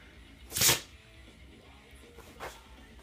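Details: Dog having a sneeze attack: one sharp, explosive sneeze, then a softer second burst about two seconds later, in a quiet room.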